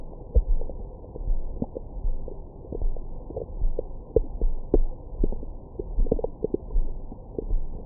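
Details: Low irregular gurgles and rumbles with occasional squeaky pops, recorded over the abdomen with a Stemoscope stethoscope microphone after a large meal for ASMR: normal bowel sounds, stomach growling.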